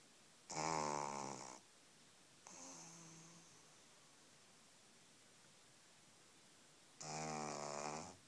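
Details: Pug puppy a few weeks old: soft buzzing snores on the in-breath, with a quieter snore between them, in a quiet room; snoring.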